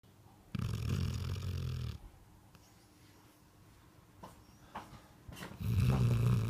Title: Snoring doggie